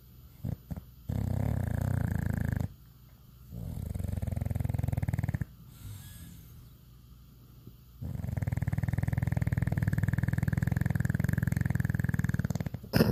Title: Bulldog snores